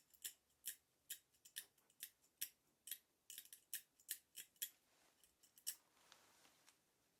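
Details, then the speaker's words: Simulated ASMR deep dental cleaning role-play for a nervous patient, with a dental hand scaler removing heavy buildup: irregular, sharp metallic clicks and scrapes, roughly 45 a minute, of picking at the teeth. "okay this is one of the areas where there's quite a bit of buildup so you will hear some scraping and picking sounds"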